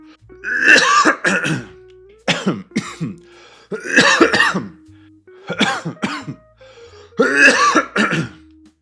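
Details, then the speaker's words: Person with about 3 weeks of persistent coughing, suspected long COVID (or flu), coughing repeatedly: cough. "I've had a cough for like 3 weeks. It's killing me. How am I supposed to get this done if I keep coughing over everything?"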